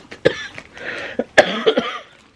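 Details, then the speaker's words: Several short, harsh coughs with throat clearing from an adult with a cold affecting the chest, worsened by misty weather and taking cold and flu tablets to dry up mucus; a chesty, tickly cough. "so apologies it's very Misty today my chest is not doing well with it couple packs of cold flu for the for the chest and stuff you know dries the goo up which is the main offender right now CU that then cost tickly everything"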